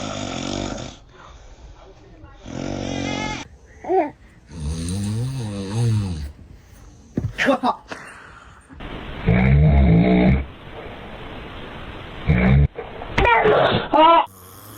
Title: Baby are scared of dad snoring #funny #baby #dad #funnyvideo #usa